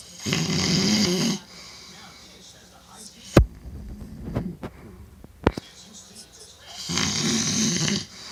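Two loud, rough inspiratory snores about six seconds apart, with a few soft clicks and shuffles between them; loud snoring.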